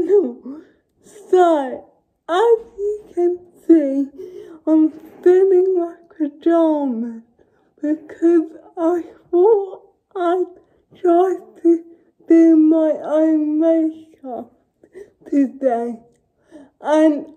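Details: Young woman with cerebral palsy speaking; her speech is largely unintelligible to automatic transcription. Finding: dysarthria (cerebral palsy).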